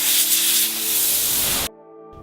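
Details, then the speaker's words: Steam cleaner in a dental lab: a loud continuous hiss, then a faint hum, during the final steaming of a one-tooth flipper (removable dental appliance) after high-shine polishing. "dry the appliance and add a light coat of high shine polish one final steamed over"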